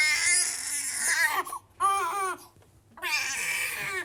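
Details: Infant cry.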